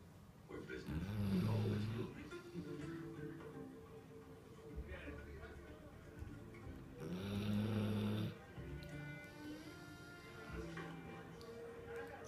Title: Snoring Dog